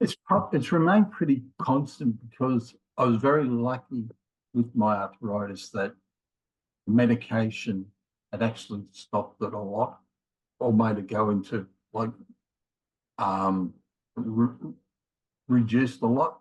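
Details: Man in his late 50s with mild aphasia after a left-sided ischemic stroke in January 2020, with difficulty both finding words and getting them started; also has a history of multiple heart attacks and rheumatoid arthritis; mild aphasia.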